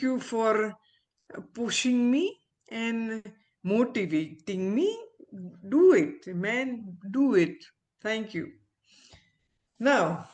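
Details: Adult woman, a former ophthalmologist, with aphasia after a stroke, about a year into recovery and still recovering her speech with a speech-language pathologist. Aphasia.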